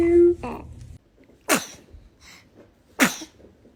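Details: Newborn sneezes twice, sharp little sneezes about 1.5 seconds apart after a brief squeak; infant sneezing.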